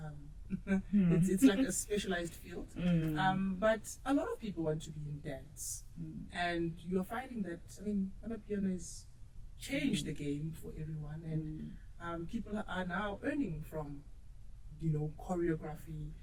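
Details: Adult woman speaking; normal speech.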